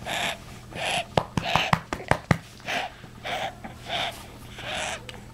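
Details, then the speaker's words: 6-month-old boy sick for a month, diagnosed with either pneumonia or bronchiolitis and on breathing treatments: fast, noisy breathing with a rough, whistling edge on each breath, infant wheezing. "I hear you breathing awful are you wheezing amazing he sounds like wheezy and the Toy Story"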